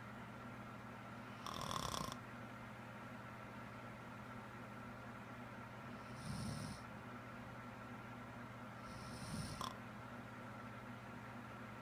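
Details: Adult woman with a serious, persistent loud-snoring problem of unknown cause: three brief, faint snorts several seconds apart over steady room hum; light snoring.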